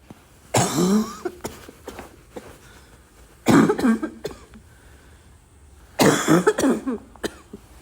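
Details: Barking cough with wheeze: three harsh, barking coughs, each with a whistling, wheezy edge, at irregular intervals.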